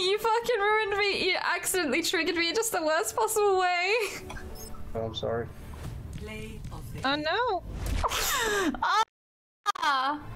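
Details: Woman with Tourette syndrome and self-described quite severe coprolalia; involuntary swearing tics; coprolalia (vocal tics, Tourette syndrome).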